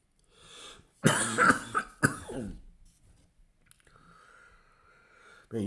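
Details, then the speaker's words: A cough that the person likens to a heavy smoker's cough. "you thought I'd be smoking three packs of cigarette cigarettes a day with this cough that's what it sounds like to me like a smoker's cough"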